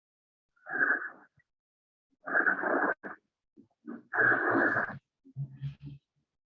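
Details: Egophony over a pleural effusion: the repeated syllables come through the chest thin, nasal and bleating, with the vowel turning toward 'a'.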